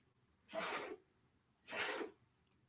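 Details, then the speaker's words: Dog sneezing, likened to an ice maker crushing ice: two short, hissing, crackly bursts about a second apart. "you hear my dog sneezing? Yeah. I was like, what is that? It sounds like an ice maker or something, crushed ice. It's a sneezing dog."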